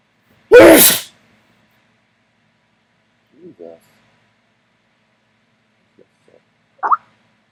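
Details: One loud, explosive sneeze onto a mirror, followed by a few faint sounds in a quiet room.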